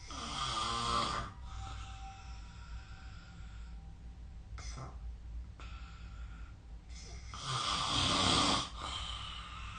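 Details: Snoring recorded with the SnoreLab app: loud rattling snores during sleep, two heavy breaths about seven seconds apart with quieter breathing between, in a small room.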